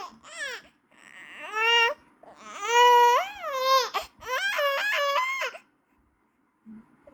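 Loud, high-pitched rising and falling wails from a baby with brief pauses for breath; an ordinary infant cry.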